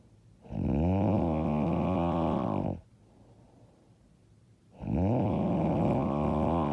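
Two loud, rough, vibrating snores on breathing in, separated by a quiet pause: heavy snoring.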